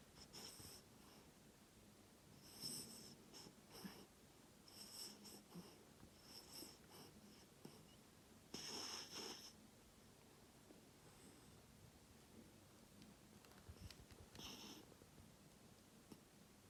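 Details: A sleeping dog snores softly, with breathy, slightly whistling noises at irregular intervals in a quiet room; snoring.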